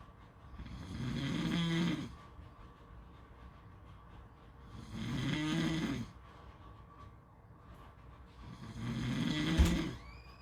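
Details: Snoring: three rumbling, fluttering snores on breathing in, about 15 a minute, separated by quiet exhalations.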